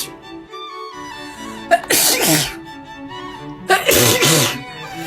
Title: TikTok Sneezing 18